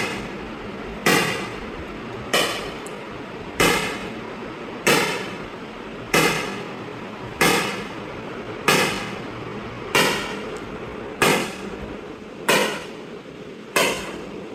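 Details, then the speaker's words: ESWL lithotripsy on a patient with a right kidney stent and residual stones, energy raised above setting 15: loud, sharp cracking shocks at a steady 47 per minute, each with a brief ring; shock wave pulses. "इसको energy ज्यादा बढ़ा दी है। अब इसके shocks की आवाज भी ज्यादा आएगी और इसकी इंटेंसिटी भी ज्यादा होगी जिससे स्टोन को चोट भी ज्यादा लगेगी और पेशेंट को थोड़ी सी वाइब्रेशन भी ज्यादा महसूस होगी।"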